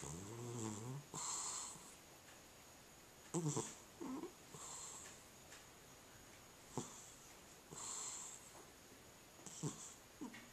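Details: Sleeping cat with suspected sleep apnea: snoring with pauses in breathing.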